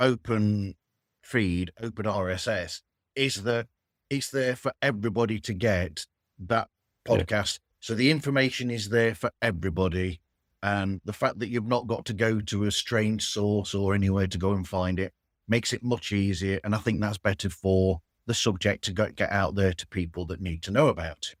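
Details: Adult man speaking; typical speech.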